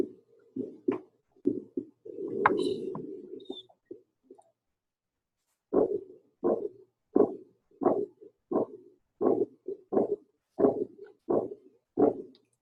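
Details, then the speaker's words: Advanced aortic stenosis recorded at the aortic area: steady heartbeat with an added whooshing, low-pitched murmur. "Again, that whooing. It still has the beat, you know, that kind of steady beat, but it's got that extra noise in there. Um, a low pitched murmur."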